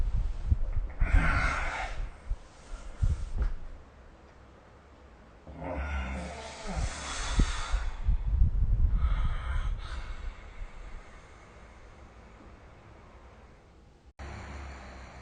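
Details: Snoring during sleep recorded with the SnoreLab phone app: irregular low rumbling, snorting breaths with quiet pauses between them; snoring.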